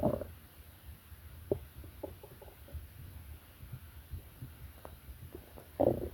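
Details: Soft gurgles and low rumbles from the abdomen of a sleeping person (Mary), with louder bursts at start and end; stomach growling bowel sounds.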